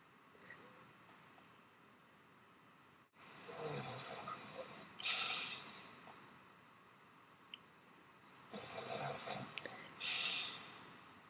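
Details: A sleeping female friend snoring very loudly, recorded quietly so as not to wake her; loud, hissing breaths with a snorting edge come in pairs, about 12 breaths a minute, in a quiet room; snoring.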